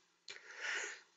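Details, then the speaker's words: An adult sneezes once, a sharp onset then a loud hissing burst of air under a second, in a quiet room during a recorded programming lecture; the speaker apologizes afterwards. "bless me I am so sorry I'm not real good at editing these videos so you don't have to hear that sneeze and so I apologize"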